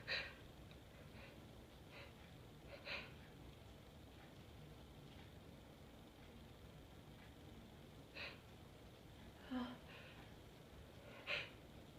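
About five brief, sharp sneezes spaced a few seconds apart, with soft catching breaths between them in a quiet room.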